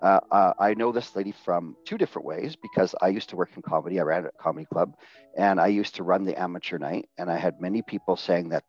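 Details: Adult male speaker; Ordinary fluent speech.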